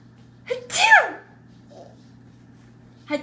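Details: Person's mock 'sneezes' with a mouthful of peas: a single loud, explosive sneeze with a short in-breath before it; sneezing.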